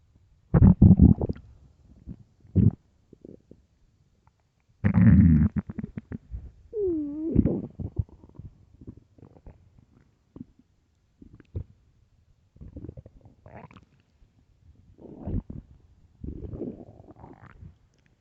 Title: extreamy empty loud deep stomach growls part 2